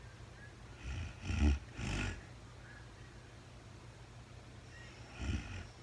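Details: Real-time recording of a woman asleep at night, no talking, very tired: low rough rattling breaths, two close together then another a few seconds later; snoring during sleep.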